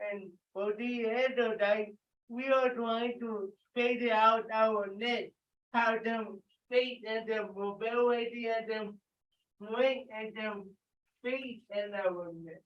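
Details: Participant with cerebral palsy leading warm-up exercises; listeners report difficulty understanding him; dysarthric speech in cerebral palsy.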